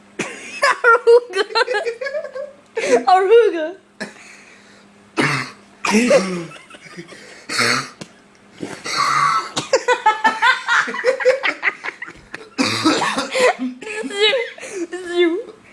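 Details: Uncontrollable coughing fit that grows worse and stranger: repeated harsh cough bursts mixed with strained, wavering voiced sounds.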